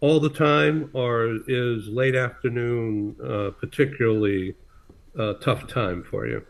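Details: Adult male speaker; normal speech.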